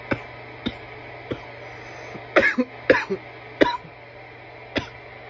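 About eight short, harsh cough bursts, some in quick clusters, against a steady low hum; an irritant cough after inhaling smoke.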